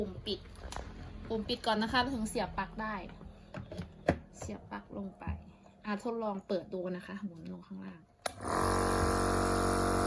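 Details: Omron NE-C101 nebulizer being demonstrated: a woman talks, then a loud, steady motorized hum with a buzzing tone starts abruptly as the compressor switches on.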